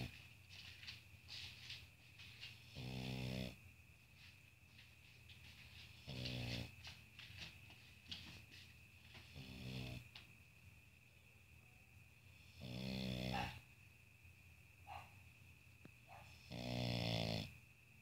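Rhythmic, rattling snores from a sleeping small flat-faced dog, about five loud snores in 18 seconds, with a steady background whine.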